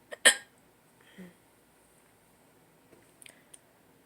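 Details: Hiccup on waking in the early morning, possibly after drinking too much the day before; one sharp, abrupt hiccup with a brief catch of breath, then faint small mouth sounds in a quiet room.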